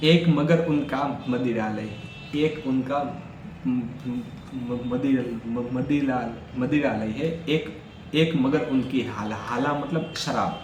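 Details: Stuttering in an adult male who stammers, Day 4 of his daily stammering practice routine, counting backwards from 100 as fast as he can.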